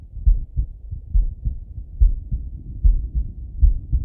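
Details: Male lying on his left side, heard through a stethoscope: deep, regular lub-dub heartbeats at about 70 a minute; heart sounds.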